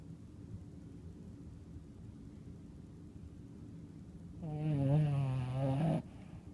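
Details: Snoring during sleep.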